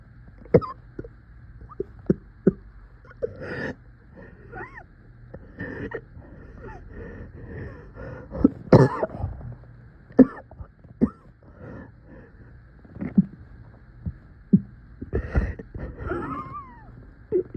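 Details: Repeated short, strained coughs and throat noises over a steady background hum from a person coughing in much pain; a painful-sounding cough.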